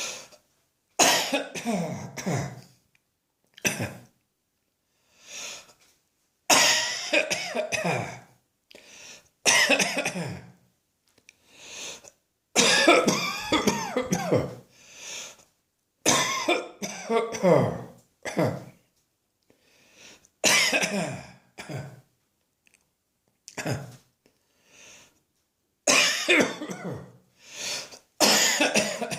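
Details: Adult with an irritating dry cough triggered by a dusty atmosphere: repeated harsh, dry cough bursts in clusters, without rattling or wet sounds.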